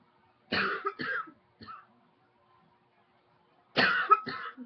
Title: Coughing # 9